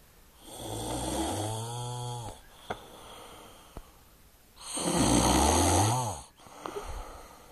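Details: Very loud snoring from a sleeping male, with dogs on the bed: two long, loud, rumbling snores on the in-breath and a quieter breath out between them, in a quiet room.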